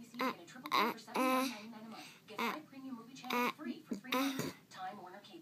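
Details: Child aged 2½, before starting speech therapy; later diagnosed with childhood apraxia of speech.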